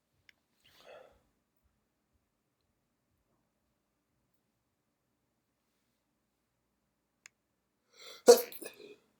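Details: Induced sneezing: near silence, then a brief in-breath and a single sharp, forceful, wet sneeze near the end; sneeze.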